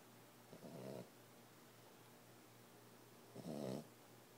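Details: Boxer puppy, 14 weeks old, snoring in sleep: two soft, rattling snores about three seconds apart over a quiet hum.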